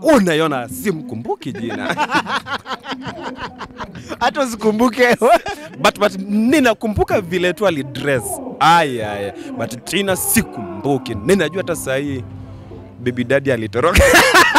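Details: Adult male comedian who stammers, with onset in class 2 of primary school; stuttering.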